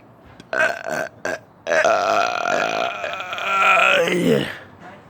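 Several short belches, then one long, drawn-out voiced burp that trails off, in a quiet room.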